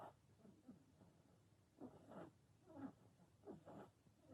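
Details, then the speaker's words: Snoring heard in the background while someone talks during a lip gloss review. "Sorry to hear that snoring, it's my"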